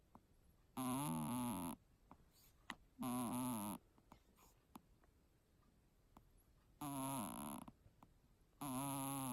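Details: Sleeping kitten snoring with a snot bubble: short, squeaky, wavering snores about every two seconds, with a wet, bubbly edge and faint clicks between; congested nose.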